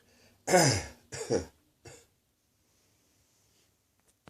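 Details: An adult with an ongoing chest infection gives three harsh, wet, chesty coughs in the afternoon; a productive cough.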